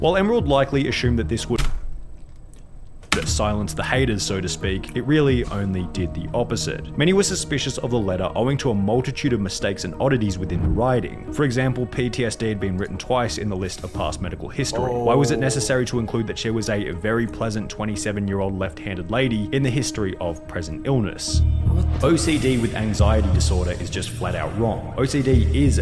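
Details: Adult male narrator with background music; normal fluent speech.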